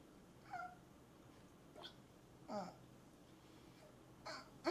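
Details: Streamer with hiccups during a live stream: four short, abrupt voiced catches a few seconds apart over low room noise; repeated hiccups.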